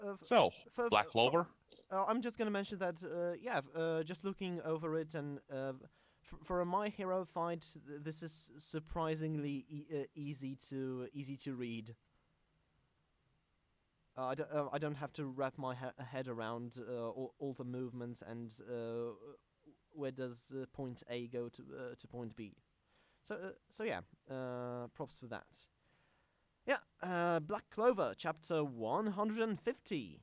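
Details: Self-described stammering podcast host whose show combines a podcast with speech therapy; stuttering.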